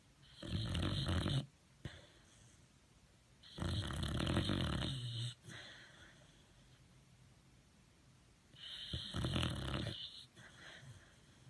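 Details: Sleeping Boxer dog snoring: three loud, rough, rattling snores with quiet gaps, about 15 to 20 breaths per minute.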